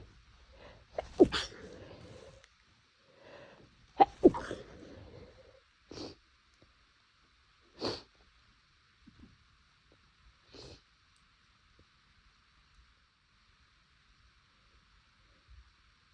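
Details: Several short, muffled sneezes held back to stay quiet, soft breaths between; itchy nose, attributed to temperature changes; stifled sneezing.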